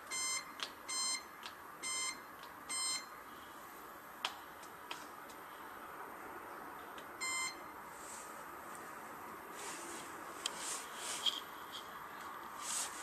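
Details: Run of short, high, clear beeps from a portable cold laser pain-relief device (COZING-T03, 650 nm) as its buttons are pressed for setup, power intensity and treatment, then a quiet room with a few clicks.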